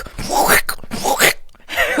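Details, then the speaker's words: Adult woman vocally imitating her own abnormal whooshing heartbeat from an untreated heart murmur, noticed after an all-nighter; loud enough to record on a phone, sounded like fluid moving; later needed heart surgery. "I have a recording of it it was so loud and it and it sounded like fluid going somewhere"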